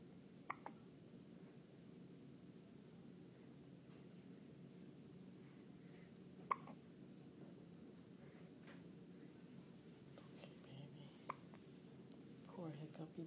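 Quiet room with a few brief, sharp, soft clicks spaced irregularly; hiccups.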